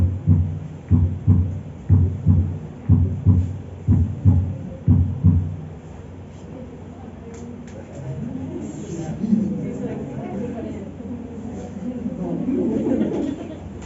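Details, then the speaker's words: Paired lub-dub beats at about 60 a minute, then music, in a veterinary cardiovascular semiology lesson; normal first and second heart sounds (S1 and S2). "Muy bien Entonces estos dos ruidos corresponden al s1 y al s2 o lo que escuchamos nosotros en el corazón y por medio de él podemos mirar podemos observar podemos diagnosticar una patología del corazón"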